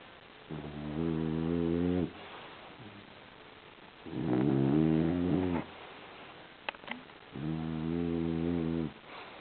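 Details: Exhausted sleeping French bulldog snoring: loud, rough snores about every three and a half seconds, typical noisy breathing of a flat-faced breed.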